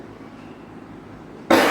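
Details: Single abrupt, loud cough burst after a quiet room, from a patient with an acute cough who seeks traditional spiritual healing, asking for removal of a suspected supernatural affliction ("ilmu").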